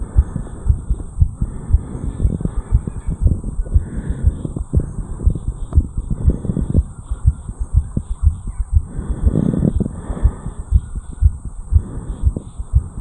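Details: 34-year-old male, heartbeat recorded at the mitral area after jogging up a flight of stairs; fast, strong, regular beat around 120 per minute with some rubbing noise: sinus tachycardia after exertion.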